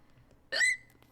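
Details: A single short, high squeaky catch in a quiet background; guinea pig hiccup.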